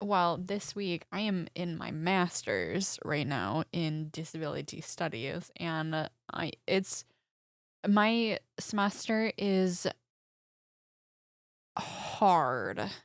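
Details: Woman, about 25, with aphasia after a major stroke at age 14, 11 years ago; right side affected, eight head surgeries; speech not perfect, more natural when unscripted; aphasia.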